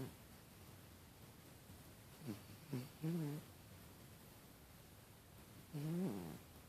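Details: Sleeping cat: soft snorting breaths followed by two longer low, fluttering snores; loud cat snoring.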